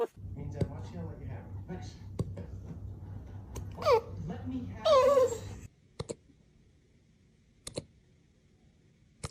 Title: Puppy hiccup compilation